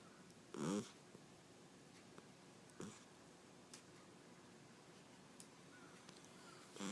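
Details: A few short, rough snorting breath sounds with a tonal edge, spaced irregularly in a quiet room, from a very tired sleeping cat caught snoring for the first time.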